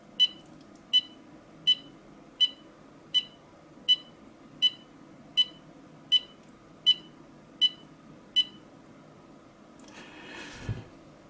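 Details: Regular high beeps at about 81 a minute, one per heartbeat, from a PM10 portable ECG monitor held still by an older person with past triple bypass and fibrillation issues; reading showed no abnormalities.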